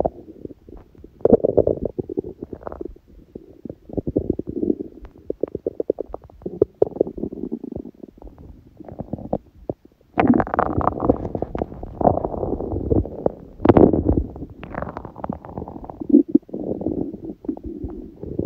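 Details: Hunger stomach sounds from an empty stomach, recording that also includes sneezing: gurgling, rumbling noises in irregular bursts with a brief sharper sound; normal hunger borborygmi.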